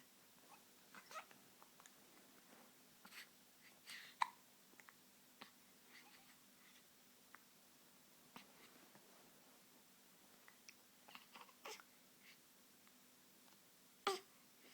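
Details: Baby with hiccups: soft, brief, repeated hiccup sounds spaced irregularly in a quiet room; hiccups.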